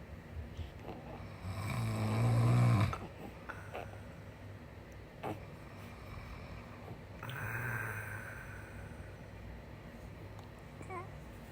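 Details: A father asleep, apparently very tired: one low, rumbling snore on a breath, then quieter breathing with a faint second snore in a quiet room; snoring.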